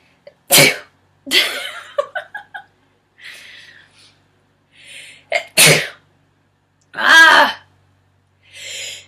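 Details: Girl with sneezing tagged to allergies and sinuses gives several sharp, explosive sneezes with quick breathy intakes between them, in a quiet room; sneezing.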